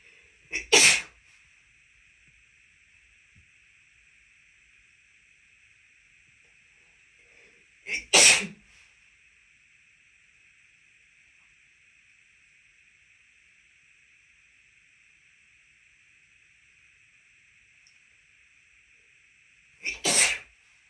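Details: Three sharp sneezes, each preceded by a quick in-breath, spaced seconds apart at the end of a male's long allergy-triggered sneezing fit after visiting a house with a cat, with false starts; sneezing.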